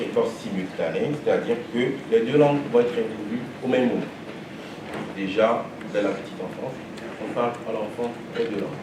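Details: Adult male speaker; normal speech.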